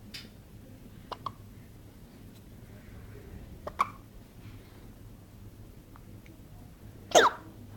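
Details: Person having hiccups: several brief, sharp, quiet catches spaced irregularly in a quiet room, ending with one louder burst; hiccups.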